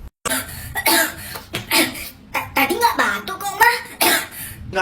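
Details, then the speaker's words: Child acting out a cough in a comedy skit, with repeated short, harsh coughing bursts mixed with brief vocal sounds; the cough is simulated. "ya beli es krim kan kamu batuk tuh kan bener batuk"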